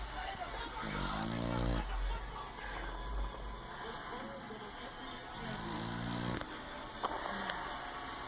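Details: Loud, buzzy, low-pitched snores about four seconds apart from a pit bull asleep, over steady room noise: snoring.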